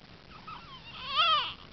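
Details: An infant cries right after sneezing: a brief whimper rising into a short, high-pitched wailing cry in a quiet room.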